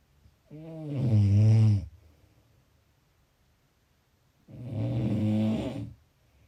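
Two long, low, rattling snores on breathing in, separated by a quiet pause; ordinary snoring.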